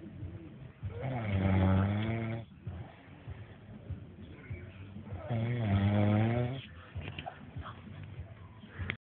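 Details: Man sleeping like a baby after a night: two loud, rattling inspiratory snores, about 14 per minute, with quieter breathing between them; snoring.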